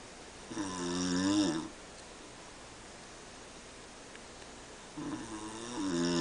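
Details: Adult father snoring during sleep at night: two loud, rough, vibrating inhaled snores separated by a quiet pause.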